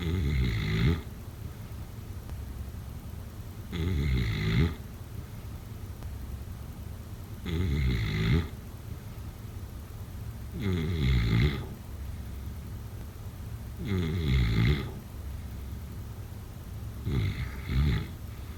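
Loud, low rumbling snores on each breath in, about 18 a minute, with quiet breathing between them.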